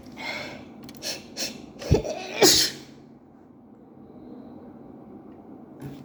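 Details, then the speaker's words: Sneezing fit at work, blamed on an allergic reaction to a co-worker's bathroom and night allergies: quick gasping in-breaths build to two forceful sneezes in a row, then quiet. "Hello everyone. Hello everyone. I'm at work and I just got allergic to co-workers bathroom and I really need I got I got I'm sorry."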